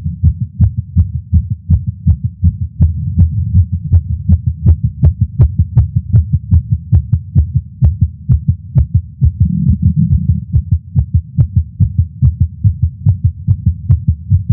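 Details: Adult male's heartbeat via Stemoscope while smoking a cigar after not smoking for a while, feeling lightheaded: rapid, forceful heartbeat, roughly 150 thuds a minute, over a low rumbling hum; tachycardia after nicotine.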